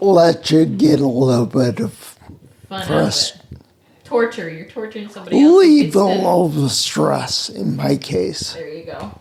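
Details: Adult man with spinocerebellar ataxia, a rare neuromuscular disease with mobility problems, speech impediment and noise-induced anxiety; slurring makes him sound drunk, staggering gait; ataxic dysarthria.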